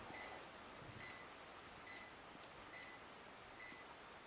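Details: Short, high electronic beeps repeating regularly at about 70 a minute over faint room noise; monitor rhythm beeps during transcutaneous pacing with a ZOLL R Series.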